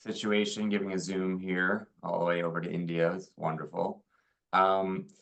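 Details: Adult male speaker; Normal speech.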